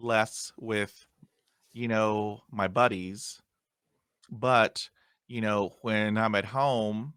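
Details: Stuttering in an adult man who still gets hung up on words after 20 years of speech therapy.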